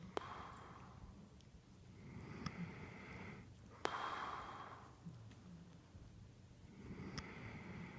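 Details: A sleeping man who would not stop snoring gives slow, noisy breathing with snorting snores on the in-breaths and a few background clicks; a water bottle was later used to stop it.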